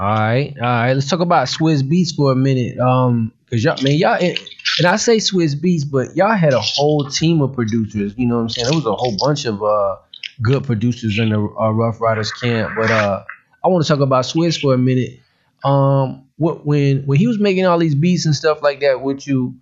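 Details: Adult man speaking; ordinary speech.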